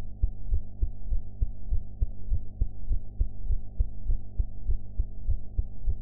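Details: Own heart sounds recorded after eating ("blue"), audio quality enhanced afterwards: regular low heartbeat thumps at about 100 beats a minute over a steady low hum.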